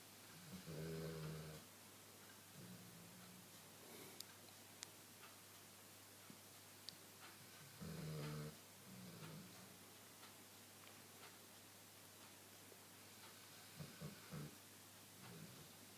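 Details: Someone in deep sleep, snoring slightly: slow, soft rattling breaths repeating every few seconds in a quiet room; light snoring.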